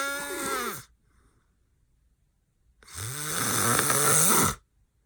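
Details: Adult man passed out, hard snoring with eyes open: loud, harsh rattling snores on the in-breath, separated by quiet pauses.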